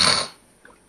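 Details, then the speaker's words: An adult demonstrating a type of snoring: a single brief, hissing snort forced through the nose, then quiet, contrasted with throat snoring, suspecting nasal obstruction: imitated nasal snoring. "Because there's different type of snoring. So they're snoring like this. And you can hear it straight through the throat. Then you got snoring like this."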